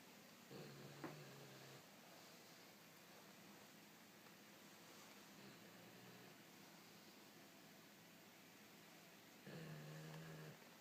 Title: Seven Snores